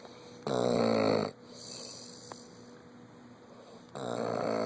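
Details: Very sleepy subject snoring loudly: two loud, rattling snores with a quiet pause between breaths, against a low steady room hum; ordinary snoring.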